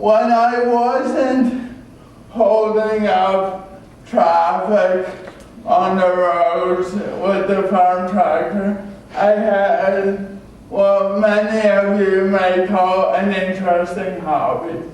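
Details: Adult male with cerebral palsy from oxygen loss at birth (umbilical cord around throat), a type involving muscle stiffness and irregular movements, noticed around age 1; had extensive speech therapy; dysarthria (cerebral palsy).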